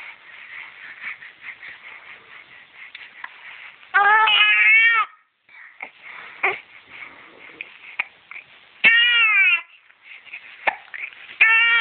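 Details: 9-week-old baby girl crying while having hiccups: brief fussy cries separated by short sharp catches and quiet moments; infant cry.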